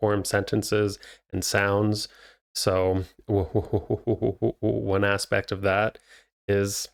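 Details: Stuttering in an adult male, a licensed speech therapist who says he stutters himself, speaking naturally.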